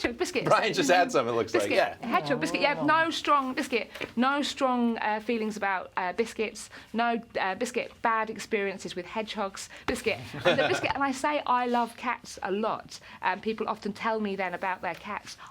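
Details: Adult woman with Tourette syndrome and recurrent vocal word tics; her main tic word occurs up to 16,000 times a day. Vocal tics (Tourette syndrome).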